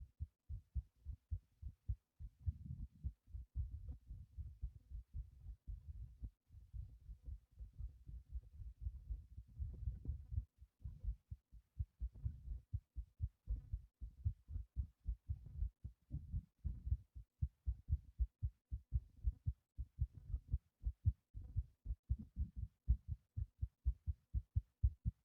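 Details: Fast heartbeat, about 118 a minute, after prolonged breath-holding: rapid low heart thumps with a low rumbling hum; tachycardia.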